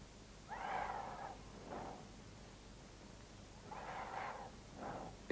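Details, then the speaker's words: Normal vesicular breathing heard by stethoscope or phonendoscope over symmetrical lung areas: two soft breath cycles, with longer rustling inhalations and brief, fainter exhalations heard in the first third of expiration. "в норме над симметричными участками лёгких выслушивается везикулярное дыхание напоминающее звук возникает вдоха и в первую треть выдоха вследствие колебаний альвеолярных"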